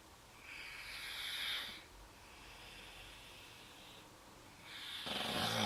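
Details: Snoring during sleep, with the owner concerned about the breathing: soft, airy rasping breaths rising and falling in slow cycles, with faint fluttering.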